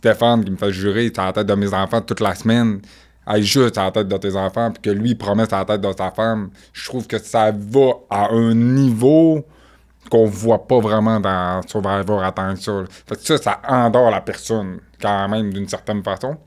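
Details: French-speaking man with profound deafness since birth, who wears hearing aids that only signal that a sound is present, relies entirely on lip-reading and grew up among hearing people; speech of profound congenital deafness.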